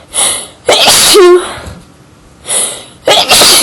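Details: Sneezing fit with small buildups: two loud sneezes in quick succession, each preceded by a short indrawn breath.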